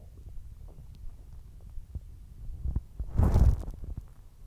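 Low gurgling rumbles build to a louder bubbling gurgle, ordinary stomach growling after eating.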